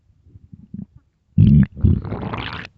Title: best loud empty hungry stomach growls